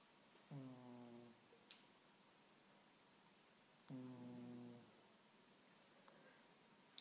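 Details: Shelter cat snoring while asleep in a quiet room: two tonal, buzzing snores at about 18 breaths a minute.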